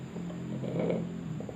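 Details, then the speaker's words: Low, steady, purr-like rattling breathing from a chicken with ngorok (snoring respiratory illness), described as not too severe; rattling respiratory noise (snoring) in a chicken. "Nah ini salah satu contohnya kalian bisa perhatikan baik-baik ini ayam saya yang lagi ngorok nih"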